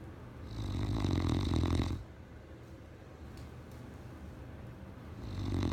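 A loud rumbling snore on the in-breath, then a quiet pause, with a second snore starting at the end.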